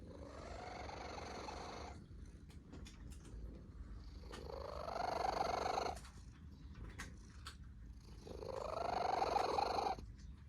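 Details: Sleeping cat snoring in slow, regular cycles: a rising, rattling snore on each inhaled breath, about 17 breaths a minute, with quiet pauses between.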